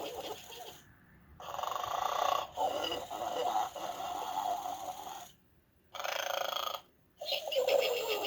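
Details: Plush pig toy imitating snoring: repeated mechanical snores with quiet gaps between them; simulated snoring.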